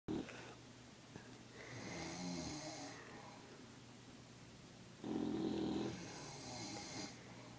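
Rough, rattling snores repeat with quieter breathing between them, from a dog and a man in a small room: snoring.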